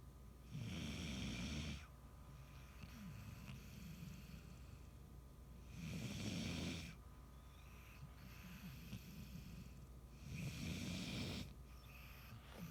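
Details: Regular, low, rumbling snores about every four seconds, roughly 13 breaths a minute, with quieter breathing between; ordinary snoring.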